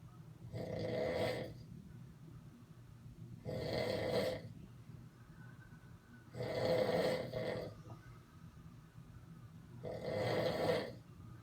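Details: Man snoring: four loud, rough snoring breaths about 3 seconds apart, quiet between them, about 20 breaths a minute; heavy snoring.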